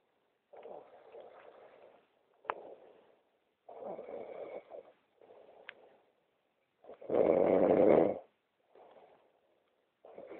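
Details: Repeated rough breathing bursts a few seconds apart, with one loud harsh snore; snoring during sleep in a hotel room at 3 a.m.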